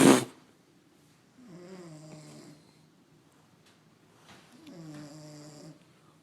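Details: Young woman passed out asleep, snoring: two soft, buzzing, slightly tonal snores about three seconds apart, after a brief knock at the start.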